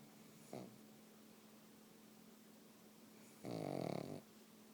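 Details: Pug snoring on the couch in sleep: a brief snort, then a longer rattling snore over a steady room hum; snoring.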